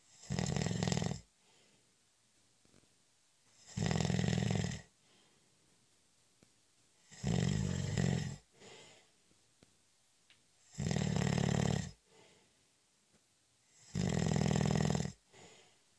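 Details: Loud, low rattling snores on each in-breath, about 19 a minute, with quiet out-breaths between; ordinary snoring during a short nap.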